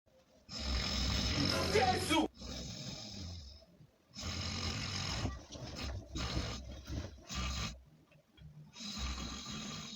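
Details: Adult man snoring loudly and harshly: rough rattling bursts, some long and some short, separated by brief quiet gaps; snoring.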